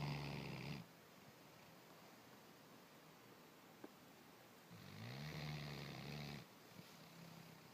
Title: snoring